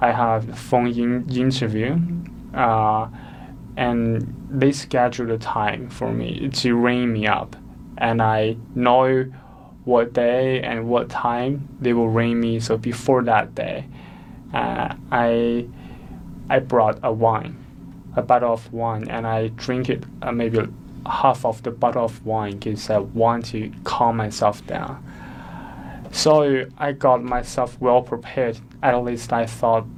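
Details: Stuttering in an adult woman who is a non-native English speaker.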